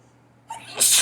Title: Allergy sneezes vs